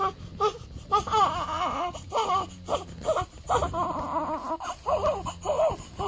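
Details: Repeated rhythmic crying bursts with brief catch breaths between them, over low background hum; a 1-week-old newborn crying on day 7, during weigh-in on the day of hospital discharge.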